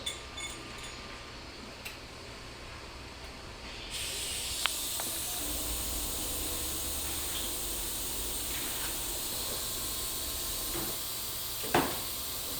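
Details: Dental implant surgery, flapless immediate implant at tooth #13 after crown-root fracture, guided placement with dual-zone graft: a soft hiss rises to louder steady suction and spray noise with occasional slurps; dental suction and irrigation.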